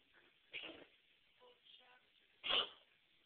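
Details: A cat with a mycoplasma infection gives two short, harsh coughs, with faint wheezy breaths between them.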